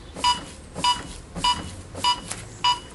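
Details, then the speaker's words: AED training on a practice trainer unit: regular electronic metronome beeps about twice a second start once compressions begin, pacing chest compressions through a two-minute CPR cycle of 30 compressions to 2 breaths. "voà dès qu'on attaque il y a le métronome le bip qui met en route donc on suit il va doucement et petit à petit pour directement bon rythme"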